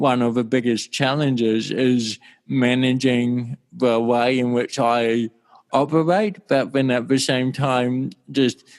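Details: Adult male with cerebral palsy since birth in 1984; his walking and talking were affected from the start; mild dysarthria.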